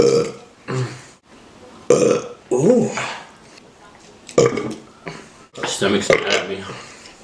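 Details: Several loud, drawn-out, rumbling belches from men, with brief laughter and talk between them; repeated burping.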